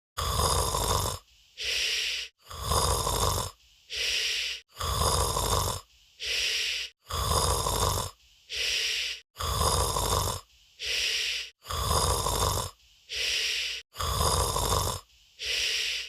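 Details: Simulated cartoon snoring sound effect of a disguised Minion: a loud, very regular rasping snore with a breath in and out about every 2.3 seconds (about 26 a minute).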